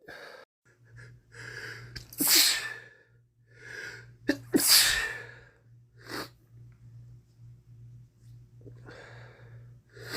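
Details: Man with a common cold, during a week of cold progression: a quick run of four forceful sneezes in a row, each after a sharp breath in, then sniffles and quiet breathing.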